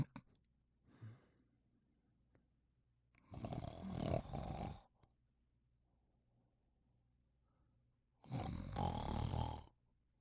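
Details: Sleeping and snoring: two loud, rough, rattling snores about five seconds apart, with quiet breathing in between.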